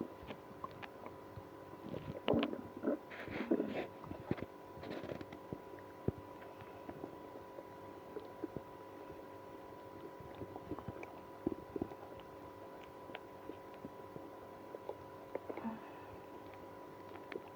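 Scattered gurgles and brief squeaky rumbles over a steady hum, fitting active bowel sounds from stomach growling.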